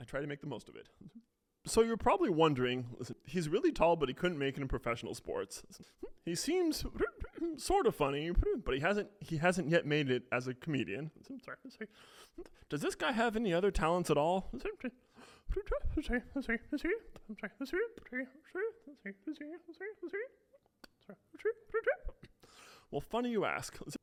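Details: Adult male with what he calls a pretty bad case of Tourette syndrome, with vocal tics mainly when speaking and a stated stutter too; repeated words heard; Tourette syndrome with vocal tics and word repetitions.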